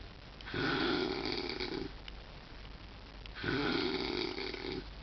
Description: this is the loudest snoring ever.